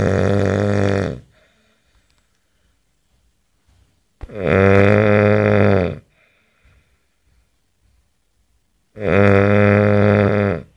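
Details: Adult man snoring, actual recording; snoring.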